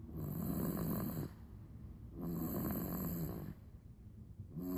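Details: Snoring in a 3-month-old baby: two buzzing snores on the breath, each about a second long, with quiet pauses between, the second starting toward the end.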